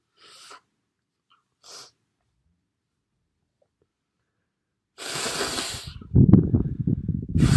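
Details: Two faint sniffs, then a loud sneeze followed by rough, blustery nose blowing.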